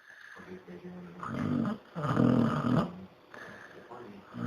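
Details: Pepe snoring: rough, rumbling breaths in rising and falling swells, with quiet room noise.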